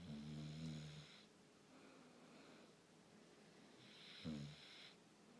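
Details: Snoring from a sleeping bulldog; owner says this isn't the worst he's done.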